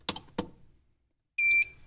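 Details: Two soft button clicks, then a single short high-pitched electronic beep as a MED 300 ultrasound physiotherapy unit switches its output from 1 MHz to 3 MHz during a program demo.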